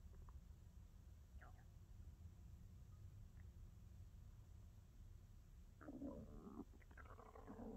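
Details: ASMR close recording of hunger stomach growling (borborygmi): low rumbling and gurgling belly sounds ending in a louder growl.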